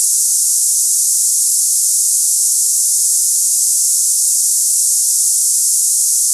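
Steady, high-pitched hissing like cicadas, without breaks; a simulation of the hissing type of tinnitus.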